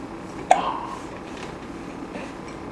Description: 3 and 1/2 months old. She hiccups and she smiles and waves 5 seconds after being asked to say hello.